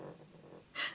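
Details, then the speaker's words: Pet named Lady sleeping and dreaming behind the speaker snores: a faint low rumble, then a brief hissy snort of breath in a quiet room. "lady behind me oh we would i really hope you guys can hear that because that is like the cutest snore in the world yep that is lady"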